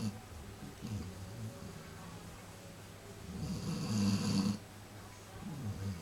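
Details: A sleeping puppy snoring loudly enough to be heard from another room: soft, low rumbling breaths with one louder snort-like snore in the middle.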